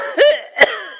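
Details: Two harsh coughs, the first with a throaty, wheezy edge: an acted cough in an Ayurvedic cough syrup advertisement, from an elderly man whose breathing runs like an engine, attributed to asthma.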